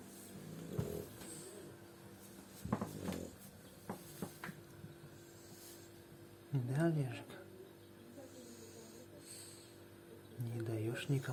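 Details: Sleeping French bulldog snoring and snorting irregularly, low rumbling bursts several times over quiet breathing; ordinary dog snoring.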